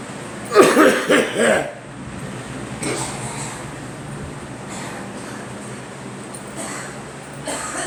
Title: Girl and me coughing